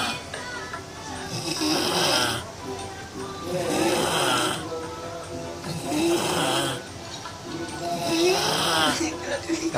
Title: ngorok